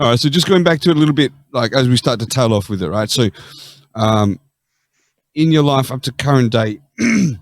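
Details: Adult man; Normal speech.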